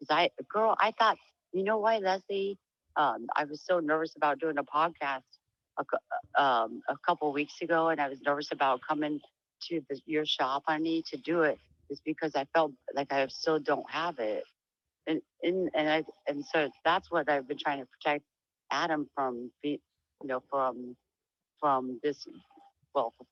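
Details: Speech changes in an adult woman with diagnosed Huntington's disease, whose voice is described as lower and very different from before; she reports sometimes stuttering and has trouble staying on topic, tending to trail off.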